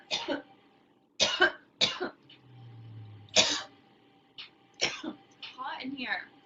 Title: Girl Coughing 437